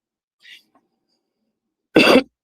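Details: Cough.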